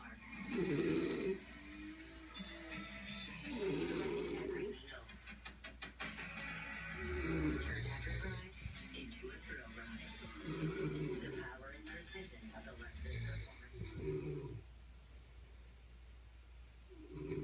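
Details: Loud rough snores recurring about every three seconds, with music and television sound in the background; snoring.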